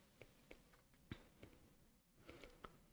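Short scratchy, grating bursts repeat with the heartbeat, a pericardial friction rub from inflamed pericardial layers rubbing together.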